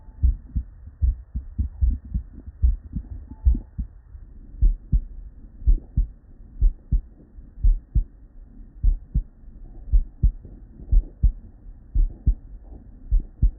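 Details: Real bedside human auscultation from a patient with normal cardiac physiology: steady lub-dub at roughly 80 beats a minute, two crisp sounds per beat, no extra noise between; normal S1 and S2.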